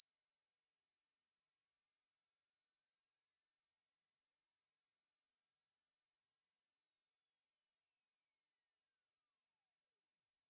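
A steady, very high-pitched pure tone slowly rising until it fades out; a sweep testing high-pitch hearing, which declines with age.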